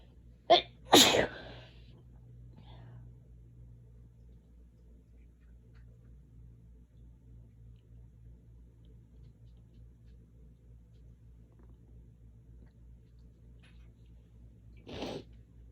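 Two sharp sneezes in quick succession early on, then quiet room noise and one softer sneeze-like burst near the end; allergy sneezing.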